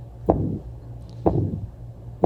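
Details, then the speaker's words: Severe aortic stenosis, valve so stenotic its closure cannot be heard: slow heartbeat about 60 a minute, each first sound followed by a rough systolic murmur with absent S2. "But a lot of times you can't hear the valve close. When it gets so stenotic, you can't hear it close."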